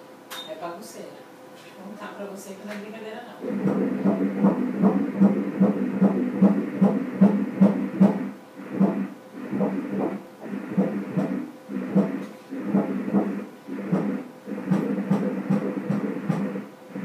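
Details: Fetal heartbeat on Doppler at 18 weeks 6 days' gestation, baby girl moving a lot: rapid regular whooshing pulses, rate stated as 146 beats a minute, a normal fetal rate.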